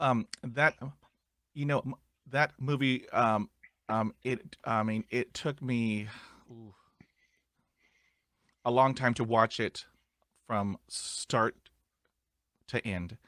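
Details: Adult male with ongoing stuttering; stuttering.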